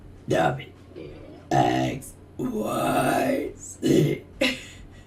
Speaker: that one was wet ah they taste like tim tams